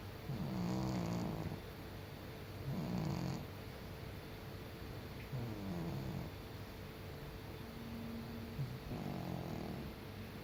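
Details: A senior cat asleep gives soft, low rumbling snores, four in about ten seconds, evenly spaced at roughly 22 breaths a minute over a quiet room hum.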